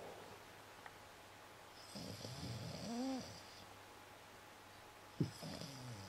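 Soft, low, rough breaths with a brief whistling tone and a snort, over steady room hiss; light snoring.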